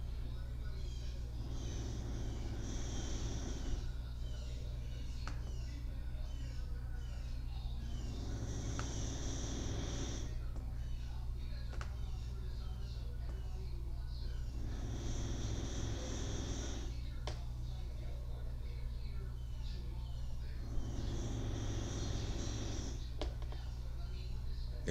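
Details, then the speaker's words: Rhythmic snuffling snores from a sleeping dog, about ten breaths a minute, under a steady low room hum. "you hear that noise that's my dog snoring over there"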